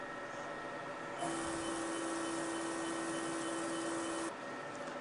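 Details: Fractional CO2 laser treating moderate heliodermia (sun damage) on the lower face near the lips of a 67-year-old non-smoking woman; steady mid-pitched tone with louder rushing noise for about three seconds.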